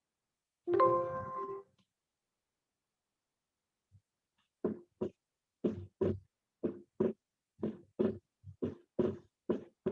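Brief tone, then paired heart sounds at about 60 a minute; physiological splitting of the second heart sound, a normal variant.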